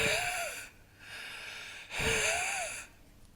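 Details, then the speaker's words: Wheezing in a slightly older child with asthma: two noisy breaths with high, musical whistling, gasps and sighs, showing noisy, difficult breathing from narrowed airways. "And then we've got an example of wheezing of a slightly older child which we'll play now."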